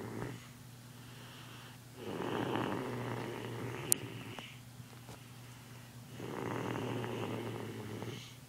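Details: A tired sleeping kid snoring softly and roughly on two long breaths, with a faint steady hum in the room.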